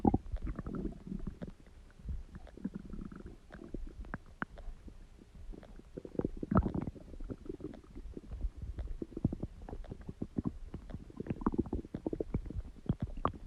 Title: Stomach Growling Sound | My Stomach Makes Noises